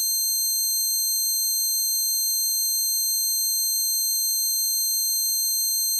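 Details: Simulated tinnitus: a person's closest replication of their own tinnitus, ringing present for years since standing by a concert amplifier.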